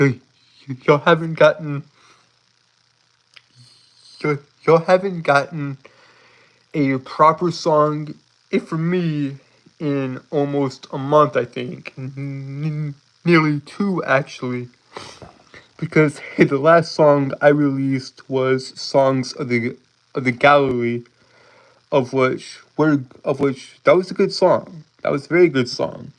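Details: Lifelong stuttering present since birth in an adult male, self-described as holding syllables rather than repeating sounds; real, not acted; stuttering with prolongations and blocks.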